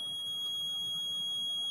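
A steady high-pitched electronic alarm tone sounds continuously from a syringe pump, signaling air in the line.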